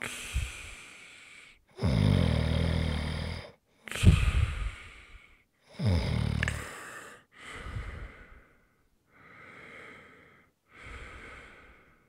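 Irregular rasping and snorting breaths of uneven loudness, some fading toward the end: snoring.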